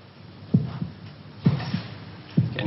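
Low, regular paired thumps at about 65 a minute, a heartbeat sound effect from a TV drama.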